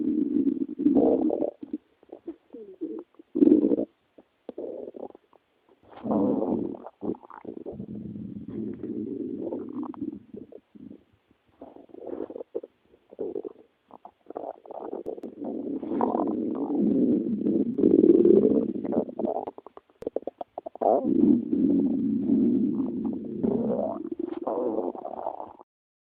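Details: Loud gurgling, rumbling stomach noises from the recorder's own belly, in long bubbling runs with brief pauses; borborygmi.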